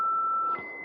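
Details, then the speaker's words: Philips HeartStart MRx defibrillator delivering a shock for simulated ventricular fibrillation: steady high charged tone that cuts off, followed by a softer higher beep. "then you're gonna shock so that's defibrillation"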